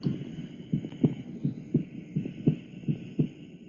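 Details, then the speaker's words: Regular two-part lub-dub heartbeat, about 80 beats a minute, no extra sounds, played as the normal comparison to a third-heart-sound gallop in kidney disease teaching; normal heart sounds. "Ese es un latido normal."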